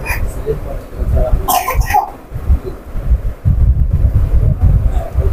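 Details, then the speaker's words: A child's brief cough, two quick bursts, over heavy low rumbling background noise. "ওনার এই যে বাচ্চার কাশির শব্দটা সারা পৃথিবী ঘুরবে।"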